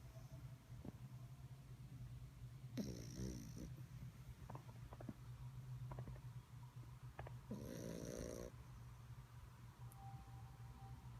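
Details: Sleeping puppy snoring: two rattling, snorting breaths over about eleven seconds against a steady room hum.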